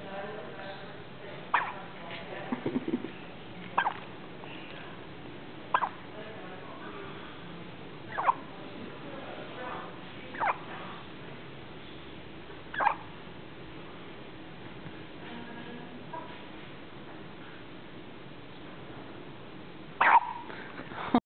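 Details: One-day-old premature newborn in a special care baby unit with brief squeaky hiccups about every two to three seconds, roughly eight in twenty seconds; harmless baby hiccups.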